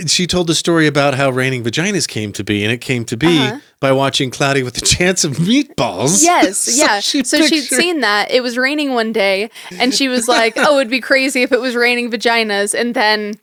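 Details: Adult woman speaking; Normal fluent speech.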